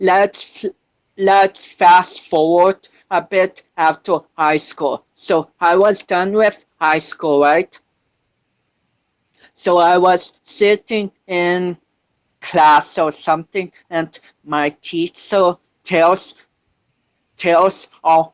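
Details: 25-year-old man with cerebral palsy since birth, which he says affects his balance, coordination and speech; doctors had told him he would never walk; real speech; speech impairment in cerebral palsy.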